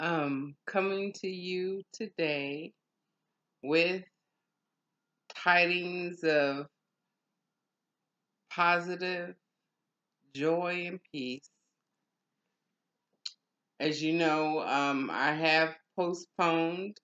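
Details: Aphasia after a stroke, real, in an adult woman in stroke and aphasia recovery.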